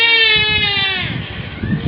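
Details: Young child crying after being spanked: sustained high-pitched wail trailing into sobbing over low room noise.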